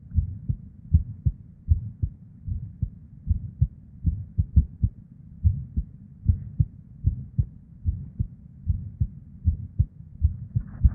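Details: Recording from a female with an irregular heartbeat: deep, muffled heartbeat near 78 a minute, uneven spacing with early PVCs/ectopic beats, plus a soft whooshing murmur (blood flow) sound.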